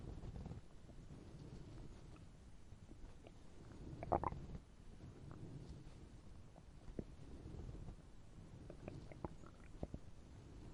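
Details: Hungry stomach growling sound effect: realistic borborygmi, a digestive growl of the stomach.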